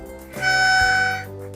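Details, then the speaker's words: Metered-dose inhaler used with a spacer, one puff then two breaths: a loud, reedy whistle under a second, the spacer's flow warning that the inhalation is too hard, which is incorrect technique. "If you suck it on too hard, you'll hear a noise, and that's not desirable."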